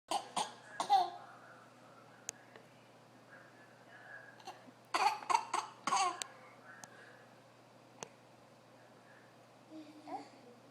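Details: 9-month-old baby making fake sneezes on purpose: short explosive bursts in clusters with giggly sounds between, imitation rather than true reflex sneezes.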